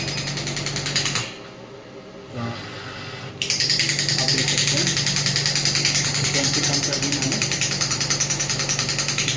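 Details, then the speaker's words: Biotronix pneumatic ballistic shockwave therapy (ESWT, 5–12 bar) applicator firing in a demonstration at settings of 20 and 4.5 as power is increased: loud, rapid, regular hammering at about 3–4 pulses a second after a short pause. "यहां पर counter शुरू होंगे shop के लिए और जैसे मैं power बढ़ा रहा हूं सिस्टम मेरे को पावर इतनी आ रही है कि मैं आपको क्लियर नहीं कर सकता"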